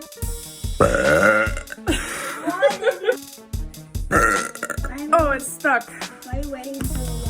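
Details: Girl: several long, loud, drawn-out belches over background music: burping.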